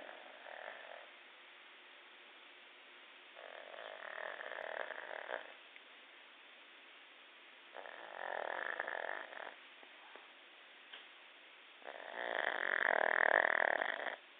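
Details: Rhythmic, loud, rattling snores on each breath, about four breaths in fifteen seconds, with quiet gaps between, from a pug in deep sleep. Snoring.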